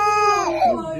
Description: Look how cute he is when he is crying because of his mouth #cute #baby #cutebaby #babyboy